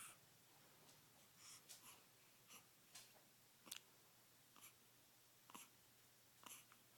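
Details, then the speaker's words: Infant hiccups: soft, brief, repeated catches of breath, about 33 a minute and somewhat irregular, in a quiet room. "Who's got the hiccups? Who's got the hiccups?"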